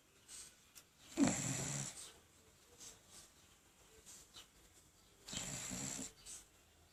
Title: Snoring and sleeping like a boss